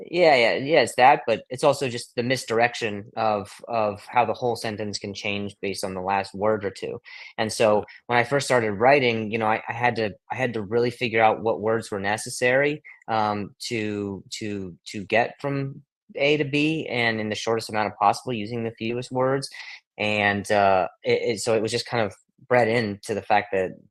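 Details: Adult male comedian with acquired stuttering since age 20, after a softball hit him in the throat (vocal contusion and traumatic brain injury); blips, stutters and blocks.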